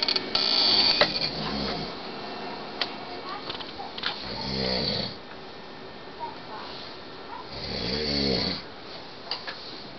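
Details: Adult man (husband who denies snoring) sleeping: two loud, rattling inspiratory snores about four seconds apart over faint room noise.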